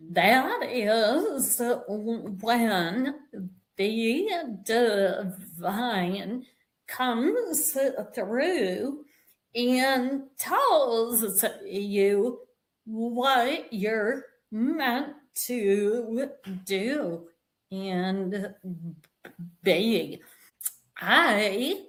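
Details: Vocal tremor in a woman; the description attributes it to over five decades of emotional abuse beginning at age five, which eventually manifested as a physical vocal tremor.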